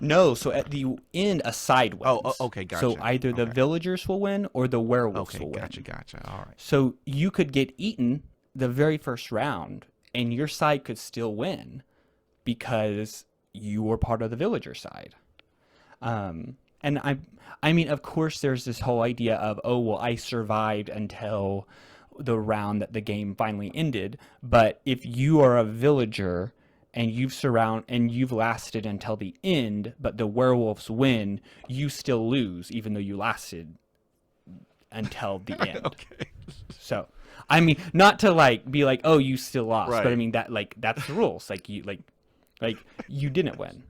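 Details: Real conversational speech from a man who stutters, a returning podcast guest describing a social strategy game; repetitions are audible; stuttering.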